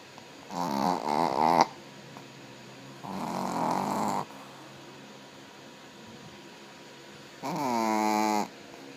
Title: Jaffa Snoring